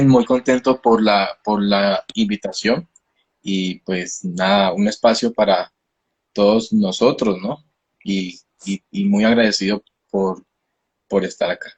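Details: 29-year-old man, a speech-language pathologist who stutters, with stuttering onset at age 13; stuttering.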